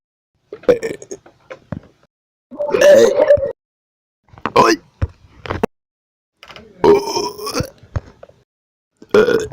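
Several loud, drawn-out throaty belches in a row, separated by short pauses; repeated burping.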